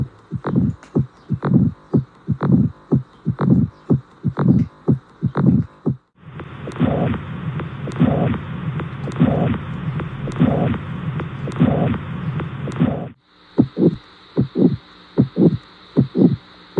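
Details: A steady, regular heartbeat of about 60 a minute heard on auscultation with a stethoscope, with clear paired heart sounds: normal heart sounds.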